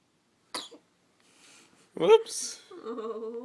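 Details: A short intake, then a sharp explosive burst and brief voiced sounds afterward; a single sneeze.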